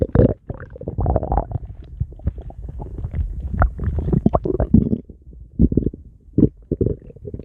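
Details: Irregular low gurgling and rumbling bursts from an adult boyfriend's stomach: ordinary stomach growling (borborygmi).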